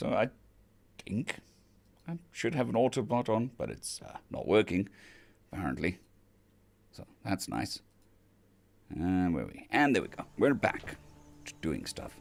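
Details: Man on day 2 of recovery stream after vocal cord surgery; cords mostly healed but lacking strength and stamina, physiotherapy pushing the voice, sounds like laryngitis. Finding: dysphonia after vocal cord surgery.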